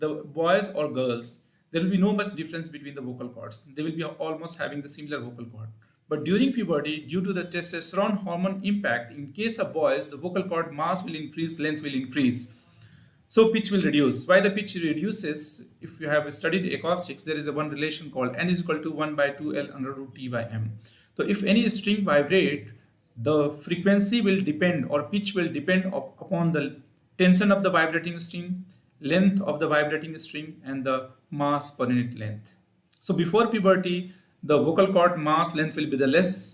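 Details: Adult male speaker; normal voice.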